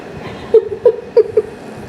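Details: Persian cat snoring against a vacuum hose: a few short, buzzy, resonant tones over quiet background hum, the snoring vibration rattling the hose.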